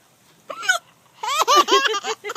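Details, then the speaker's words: Mother's single sharp, voiced adult hiccup followed by a run of bright, bubbly baby laughter from her baby; hiccups. "you want to hear it one more time Mommy's going to have a hiccup"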